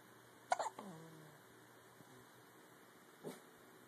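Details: Two sudden, short, sharp hiccup catches of breath a few seconds apart in a quiet room; hiccups.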